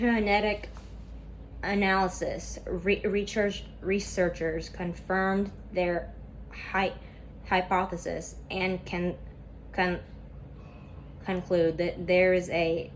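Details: Student who stutters reading a class PowerPoint presentation aloud, with a lot of tension at first that eases as the reading goes on; stuttering.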